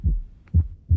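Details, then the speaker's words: Real patient auscultation of a third heart sound (S3): low-pitched heart sounds with a dull extra sound in early diastole, just after S2; S3 gallop. "escuchen bien el tercer ruido piense que esto ocurre en la fase diastólica inmediatamente después del segundo ruido"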